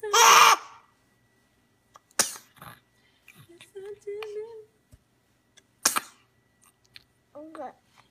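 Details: One loud, sharp explosive sneeze, followed by quieter clicks, short vocal sounds and another brief burst; sneezing amid music and laughter.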